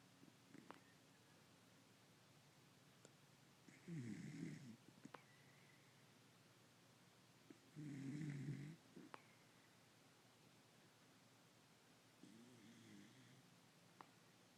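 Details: Pet dog asleep on owner's lap: three soft rattling snores on inward breaths, about 15 a minute, in a quiet room with faint clicks; snoring.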